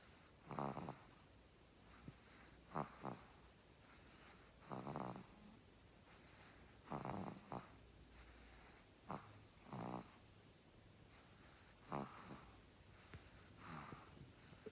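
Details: Puppy snoring: soft, irregular snuffling snores, roughly 28 a minute, over a faint steady hum.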